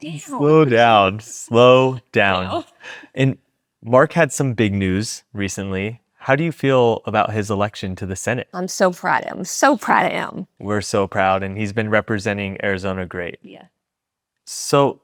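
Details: Adult woman, a former congresswoman, with aphasia after being shot in 2011, relearning to talk and working with a speech-language pathologist; aphasia.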